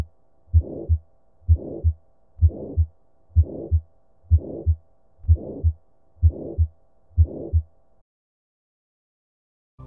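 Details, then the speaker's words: 80-year-old man with shortness of breath, dizziness and slow-rising pulse: harsh crescendo-decrescendo ejection systolic murmur filling systole, regular rhythm near 63/min, real heart sounds. Aortic stenosis murmur. "Gomme karabo ye e nepagetšego ke Aortic stenosis. Ka fao se e be e le go ngunanguna ga ejection systolic ga aortic stenosis"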